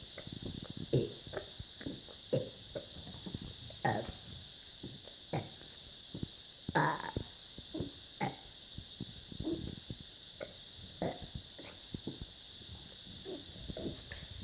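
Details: A long string of about twenty deliberate, rumbling burps across fourteen seconds over a steady background hiss. Repeated voluntary burping.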